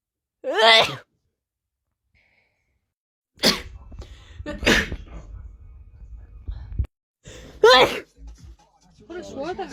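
Several sharp, explosive sneezes separated by pauses, with some breathing and voice sounds between them.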